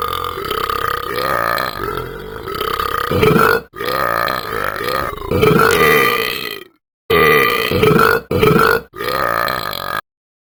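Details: After one drink, a run of about six loud, prolonged, rumbling belches in quick succession; burping.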